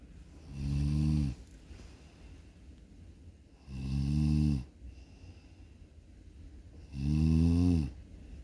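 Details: Snoring while sleeping: three loud, low, rumbling snores about three seconds apart, roughly 19 a minute, with quiet between them.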